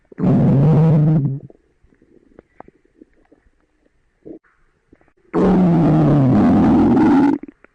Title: Stomach Growling